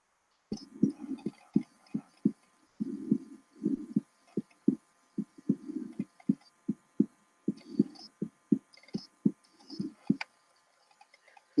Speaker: let's have a listen again to what that sounds like and see whether you can distinguish a third heart sound after the second heart sound